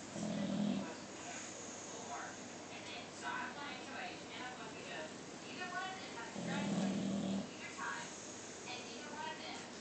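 Two deep, rumbling snores about six seconds apart, with quieter snuffling breaths between; snoring in a sleeping bulldog, with faint background voices.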